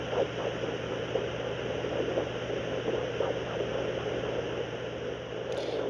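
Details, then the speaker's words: Pregnant dog lying on her side, checked with a fetal Doppler wand and gel on the side of her abdomen: rapid, faint whooshing pulses under steady Doppler static. This is a puppy's fetal heartbeat, much faster than the mother's. "Now, the farther along she gets, the heartbeats will get stronger. They sound more like a knocking noise is how I describe it. That's a fetal heartbeat."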